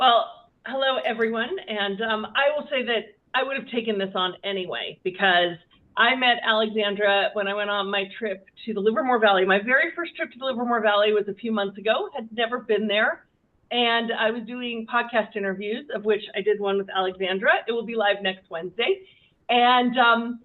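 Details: Adult woman speaking; normal voice.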